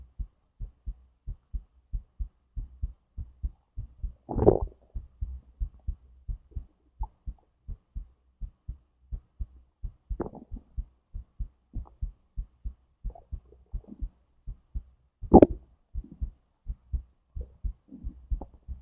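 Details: Self-recorded heartbeat with digestion sounds from stomach to intestines: steady soft thumps at about 80 a minute, with occasional gurgling gut sounds mixed in. Normal regular heartbeat.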